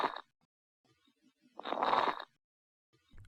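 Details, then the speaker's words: Lung sounds exhibit from an abnormal lung sounds exam question: a single breath with rough, bubbly crackling through it; coarse crackles, pointing to fluid in the lungs (pulmonary edema). "oh that sounds nasty okay the question's asking lung sounds for which condition so this definitely sounds like coarse crackles so for crackling you just have to think crazy fluid those wet lungs"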